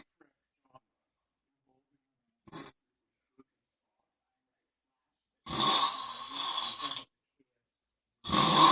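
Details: Drunk man snoring: a loud, harsh, rattling snore on the in-breath, with a second one starting near the end, in a quiet room.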